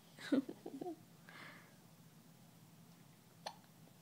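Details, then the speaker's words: Newborn boy, 17 days old, born at 5 lb 15 oz and 20 inches long, hiccuping: a short voiced hiccup with a catch, quiet breathing, then another faint hiccup. "You got the hiccups, baby."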